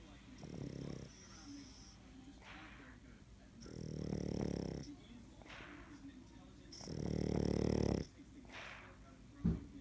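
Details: Sleeping dog snoring: rhythmic low rumbling snores on each breath in, about every three seconds, with quieter whistling breaths out.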